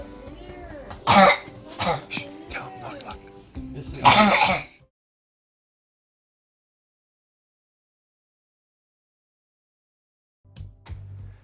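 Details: Habit cough (chronic cough) in a child who could not stop coughing, recorded during Dr. Weinberger's cough-suppression procedure.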